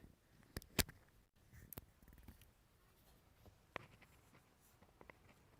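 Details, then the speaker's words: Recorded example of coarse crackles from secretions or aspiration in the larger airways: scattered short, low popping sounds over faint breathing noise. "coarse crackles let's do coarse crackles here"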